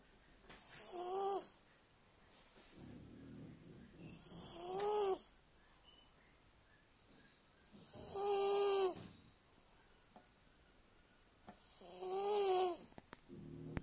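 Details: Paddy the cat snoring while asleep: steady rhythmic snores with a tonal rattling sound on each breath, about 16 per minute.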